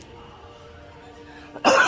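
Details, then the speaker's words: Adult man with about 10 days of coughing since tooth pain, coughing a lot: quiet room with faint hum, then one sudden, forceful cough. "I'm coughing a lot. I'm coughing too much."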